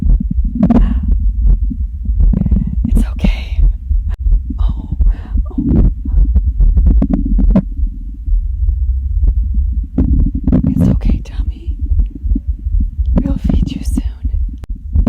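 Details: Compilation of various girls' hungry stomach growls: loud, continuous low rumbling and gurgling with bursts of bubbling, under music; ordinary borborygmi.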